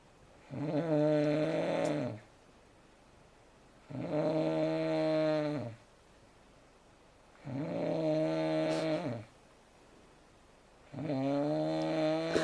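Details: Loud, steady, droning snores on each breath in, about 17 breaths a minute, with quiet pauses between, from a man asleep in bed; snoring.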